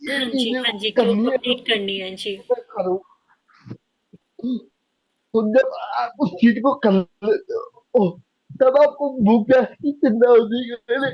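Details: Young adult man with cerebral palsy diagnosed at age 2, who could not speak as a child and reports that speaking still takes double effort and is unclear; dysarthria due to cerebral palsy.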